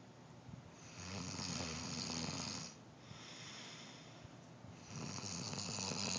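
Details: Adult man snoring heavily during sleep, likened to a dying walrus: loud, harsh, rattling snores on long breaths, about two every six seconds.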